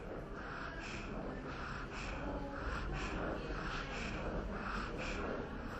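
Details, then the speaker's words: Wheeze in a child during a cough and difficult-breathing assessment: rapid, noisy breathing with a faint whistling edge on breathing out, in contrast to stridor on breathing in. "or you may hear other noises when the child breathes out such as wheezing"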